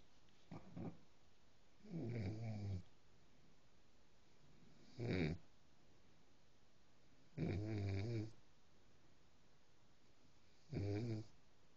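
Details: Repeated low, rattling snores from a sleeping dog, about 20 a minute, with quiet pauses between them; ordinary dog snoring.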